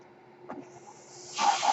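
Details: Mechanical ventilator breath cycle.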